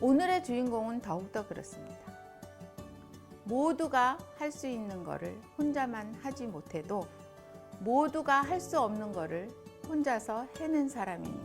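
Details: Adult woman speaking; typical speech.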